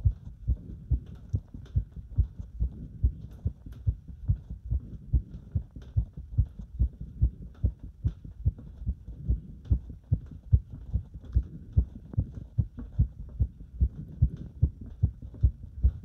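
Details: Heart sounds during step-up exercise: fast, regular heart thumps at about 145 a minute with faint background noise; a rapid heartbeat during exercise.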